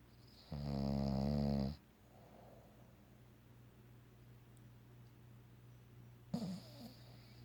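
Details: Bulldog snoring and dreaming during an afternoon nap: one long, loud, rattling snore, then quiet, a soft snort and whimper in sleep.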